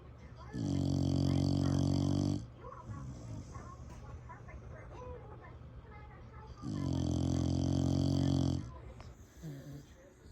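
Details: Rescue dog snoring in sleep: two loud, deep, rumbling snores about six seconds apart, with quiet breathing and a little room noise between them.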